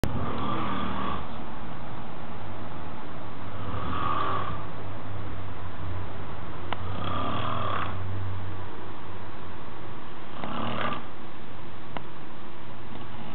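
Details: Friend asleep and snoring: slow, regular snores about every three seconds over a steady low hum of room noise. Snoring.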